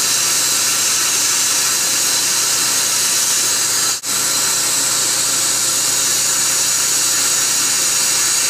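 Continuous loud high-pitched hiss and whine with one brief break: dental instruments running during a laser-assisted root canal.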